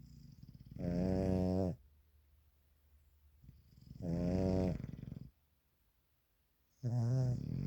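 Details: Dog that snores very loudly from almost the minute he lies down asleep, owner worries; deep, drawn-out snores about a second each, roughly 20 a minute with quiet gaps.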